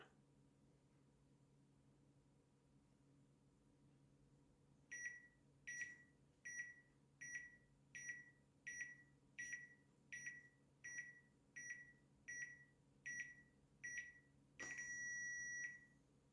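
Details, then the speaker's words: Medisana BU 510 upper-arm automatic blood pressure monitor during a measurement cycle. A quiet start, then regular short beeps at about 80 a minute, ending in one long tone as the reading finishes. "you can press the memory button it will store it to memory and as you're pressing again you can see this is in position two and of course you can start measure again start stop button and it will start automatically"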